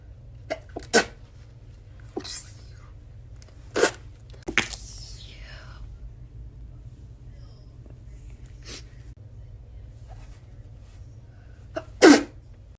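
Several short, sharp bursts of air separated by pauses, with faint breathy sounds between them; repeated sneezes.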